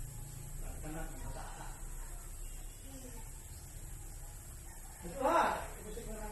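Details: Sneeze: one abrupt ordinary sneeze after a few seconds of quiet breathing and faint background noise.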